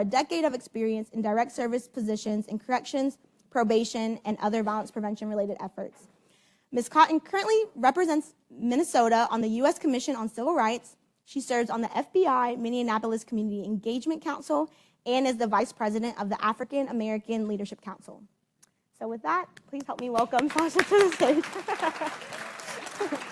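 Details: Adult woman speaking; normal voice.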